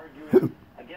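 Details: Adult with persistent intractable hiccups ongoing since December 2015, recorded September 11, 2019: a single abrupt, jerky voiced catch between quiet breaths, typical of a hiccup.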